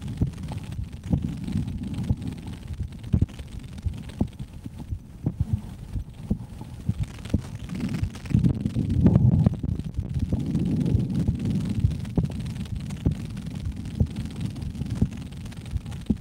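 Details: Two women on a weekend getaway listen to each other's heartbeats through a stethoscope: muffled thumps with rubbing and handling noise at a normal resting rate; one of them reports premature ventricular contractions.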